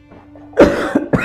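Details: An adult man who says he is feeling unwell gives two or three short coughs in quick succession in a quiet room.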